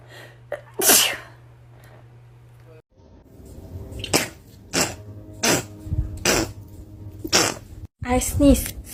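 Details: Rapid sneezing from a compilation of short clips: about six to seven sneezes in quick succession, with faint background music.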